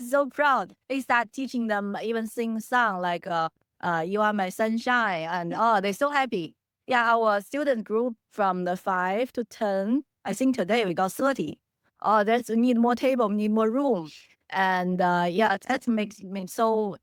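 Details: Adult woman speaking; normal speech.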